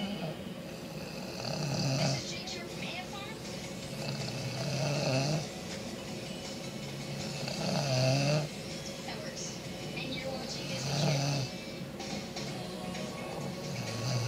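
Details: Mother asleep: rough, rattling snores with each breath in, about 20 a minute, over steady low room noise; loud snoring.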